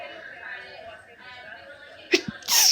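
Background talk in a busy room, then a quick catch of breath and a sharp loud sneeze burst at the end; hay fever sneezing.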